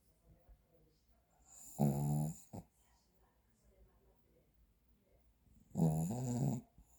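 Two low, rattling snores a few seconds apart from a sleeping dog, with quiet breathing between them.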